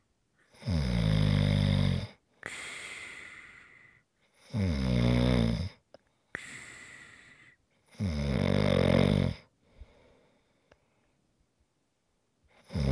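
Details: ASMR snoring recording: loud, throaty snores on each in-breath, each followed by a hissing out-breath, about three cycles in thirteen seconds; snoring.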